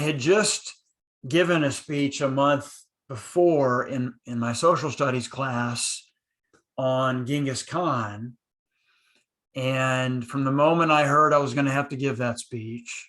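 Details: Adult man who stutters, speaking in a conversation between two people who stutter; he recalls using silent blocks in his school years; stuttering.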